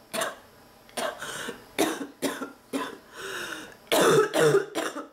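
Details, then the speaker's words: About seven harsh, partly barking coughs in five seconds in an ill woman with a non-stop cough and nasal congestion, fits recurring less than 10 minutes apart, her back sore from coughing; persistent coughing fit. "I can't take it my nose I'm coughing ah kicking my ass I can't tell you this too many times laughs this is incredible I don't have like more than 10 minutes in between everything"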